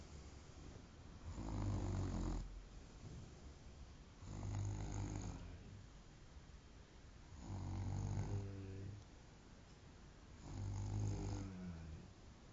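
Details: A friend snoring on Christmas Day: loud, deep, rattling snores on each breath in, about four over twelve seconds, with quiet breathing between; ordinary snoring.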